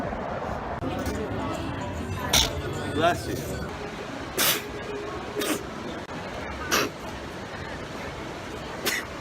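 Several brief explosive bursts over steady background noise, fitting a series of sneezes.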